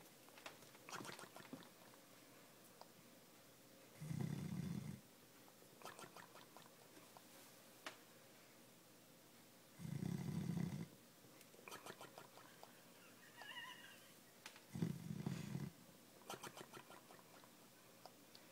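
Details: Dog snoring after playing at the cottage: three soft, low rumbling snores about five seconds apart, around 12 breaths per minute, with faint room noise.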